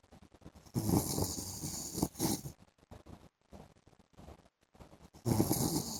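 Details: Husband sleeping in the afternoon, recorded snoring: snoring.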